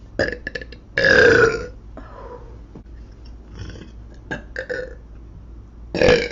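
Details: Girl burping while eating: several loud burps in a row, the longest near the start and one at the end, with faint background noise.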